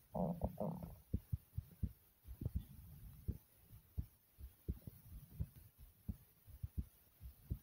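Low thumping heartbeat, paired beats at roughly 85 beats a minute, after a short rustle at the start.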